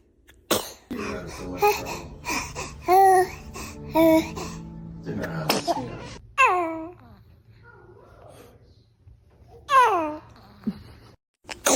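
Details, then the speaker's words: Newborn baby, a dramatic sneezer, gives several small sharp sneezes and snorts, then high-pitched fussing cries, with adult laughter nearby; infant sneezing. "Baby is a dramatic sneezer check."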